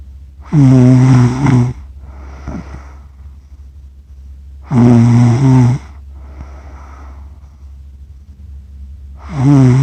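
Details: Accidental 47-minute recording of a person asleep, who describes their own snoring as funny: loud buzzing inhaled snores, each followed by a softer hissing out-breath, about 14 breaths a minute, over a steady low room hum.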